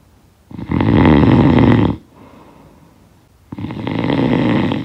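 Loud, rough, rattling snores on inhalation, separated by quiet breathing out; ordinary heavy snoring.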